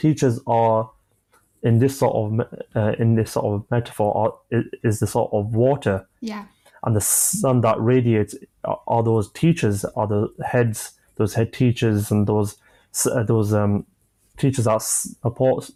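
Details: 25-year-old man with a stammer since about age 5-6, onset after an asthma attack; manages blocks with pausing and breathing techniques; stammering.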